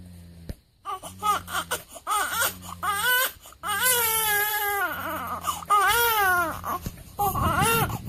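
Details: Day-7 newborn crying at a weigh-in: repeated rising and falling wails with short breaks for breath, over a low steady room hum.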